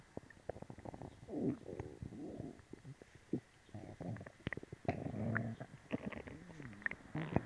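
Frequent gurgles, squeaks and bubbling pops in quick, irregular runs; busy, active bowel sounds after a laxative.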